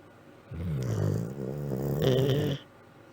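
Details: One low, rattling, rumbling snore lasting about two seconds, shifting in pitch partway through, in a sleeping dog: snoring.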